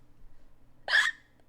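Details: Squeaky hiccups: a single sharp, squeaky hiccup over quiet room noise.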